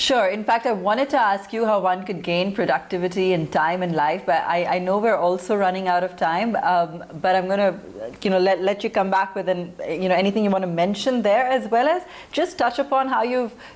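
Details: Adult woman; Normal speech.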